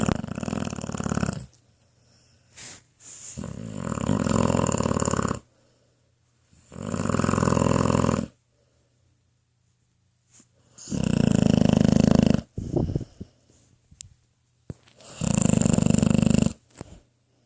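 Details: 10-year-old female pitbull dreaming and snoring in her bed: loud, rough, rumbling snores in long bursts, about five in seventeen seconds, with quiet pauses and small snorts between.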